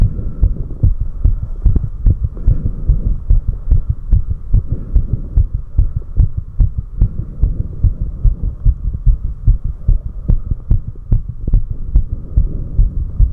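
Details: Own heartbeat recorded after 4 minutes of step-up exercise: fast, strong, regular thumps at about 146 a minute over a steady hum; normal rapid heartbeat after exertion.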